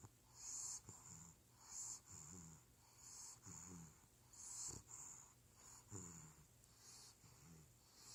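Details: Sleeping bulldog puppy: rhythmic snoring breaths with high whistling, wheezy edge, about 46 per minute; snoring with wheezy breath sounds.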